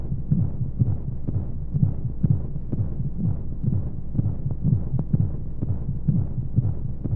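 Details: Baby sleep-aid womb sound: muffled, regular low heartbeat thumps at roughly 120 a minute over a steady whooshing hum and white noise, as heard inside the womb.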